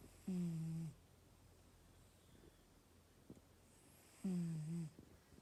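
Two short, low, voiced snores about four seconds apart over quiet room noise; snoring during sleep, roughly 15 breaths a minute.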